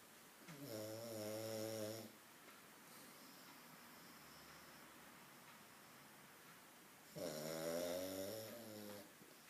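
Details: Pug snoring: two loud, buzzing, tonal snores about five seconds apart, each over a second long, over steady room noise.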